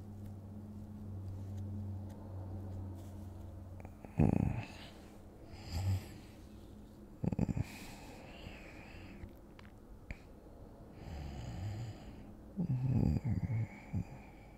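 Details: Simulated ASMR role-play of falling asleep next to a partner; soft, low, rattling light snores on slow breaths over quiet room hiss: acted snoring.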